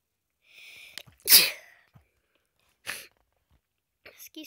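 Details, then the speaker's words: A brief indrawn breath, then a single loud, explosive sneeze from someone who says they are sick with a clogged nose, one of many sneezes during a Minecraft gameplay recording. "that's a lot of sneezes oh my gosh"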